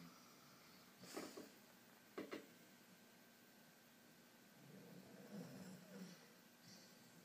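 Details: Sleeping Bouvier dog snoring softly, with a couple of brief snorting bursts then low, rumbling breaths against quiet room noise.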